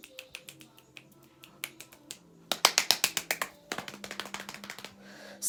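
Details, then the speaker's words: Repetitive finger-snapping motor tic in Tourette syndrome: rapid, irregular runs of finger snaps in quick clusters, with the hands tiring from the snapping and unable to keep up. "that just does my hands tired from snapping and now it can't keep up"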